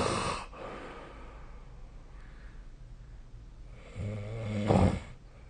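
Two deep, rattling snores with a quiet pause between them; ordinary snoring in sleep.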